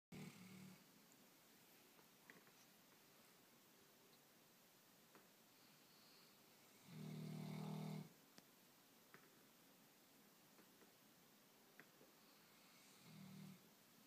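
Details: Low rumbling snores recur against quiet room noise, with one long loud snore in the middle: snoring in sleeping dogs that are technically still puppies.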